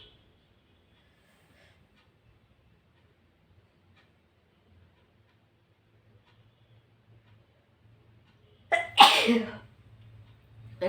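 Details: Near silence with a low hum, then one sharp sneeze preceded by a short inward catch; an ordinary sneeze, recorded alongside nose blowing.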